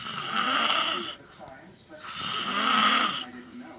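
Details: Adult man asleep, snoring loudly: two long, harsh, raspy snores with a quieter pause between; loud snoring during sleep.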